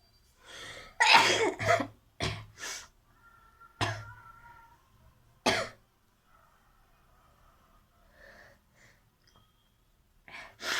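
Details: Sneezing challenge with nose blowing: several sharp explosive sneezes in quick succession, with quieter breathy sounds between them.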